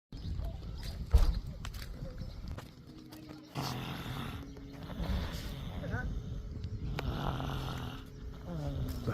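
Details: Snoring from someone affectionately called "my big baby," who has fallen asleep with an unfinished biscuit; soft, rhythmic sleep snoring.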